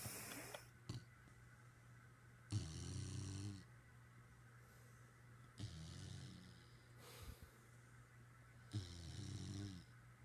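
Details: Molly, lying on top of the owner's head while the owner tries to sleep, snoring and staring: three low, fluttering snores about three seconds apart, roughly 20 breaths a minute, over a steady room hum; snoring.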